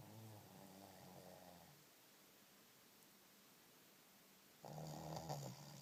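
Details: Shih tzu dog snoring loudly: two low, rumbling snores separated by a quiet pause.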